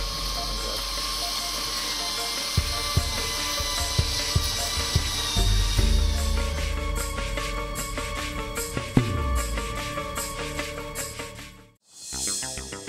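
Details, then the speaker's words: Cranial drill during a 14-year-old girl's second brain tumour operation, drilling a hole in the skull just right of the midline to expose the tumour: high whining drill with clicks and steady operating-room equipment hum. "again the team has made its surgical plan and will now begin to drill into Grace's skull which you prepare to expose her tumor the drilling must be done with great sensitivity to avoid catastrophic damage to Grace's brain"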